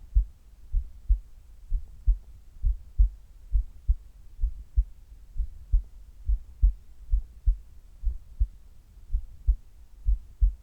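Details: Heartbeat recorded during sit-ups: low, strong heart thumps at roughly 65–70 a minute, somewhat uneven in spacing and loudness; heart sounds during exercise.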